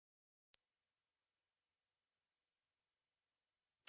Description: Typical buzz in the ears (tinnitus sound effect).